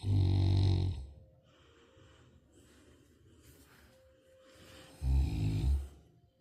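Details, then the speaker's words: Tibetan Mastiff puppy snoring in sleep: two loud, low, rattling snores about four seconds apart with quiet breathing between; snoring. "You're snoring, puppy. You're snoring. You're still snoring."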